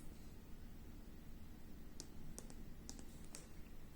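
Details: Sharp keypad button clicks over low room hum while entering infusion parameters (body weight and concentration modes) on a MedRena UniFusion SP50 Pro syringe pump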